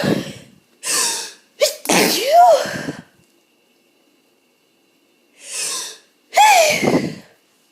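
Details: Hay fever and possibly a starting cold: several forceful sneezes in a row, each with a sharp in-breath before the burst, some with false starts; eyes streaming; sneezing.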